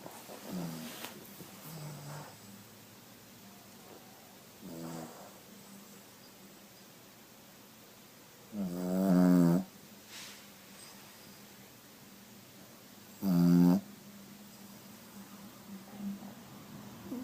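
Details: A Pugalier dog snoring while asleep: soft rattling breaths broken by two loud, harsh, pig-like snorts.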